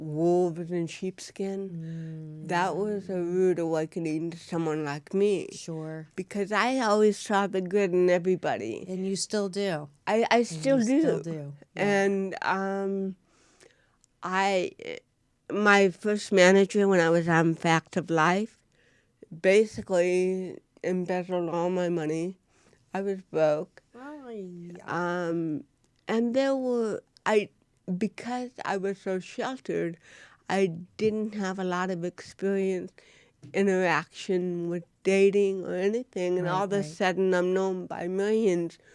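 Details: Adult woman, an actress with cerebral palsy, speaking in a studio interview: dysarthria due to cerebral palsy.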